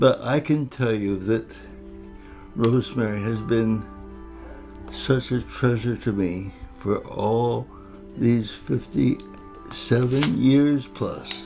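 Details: Adult man with cerebral palsy since birth after a long labour, affecting both his speech and his walking; married for 57 years; dysarthria (cerebral palsy).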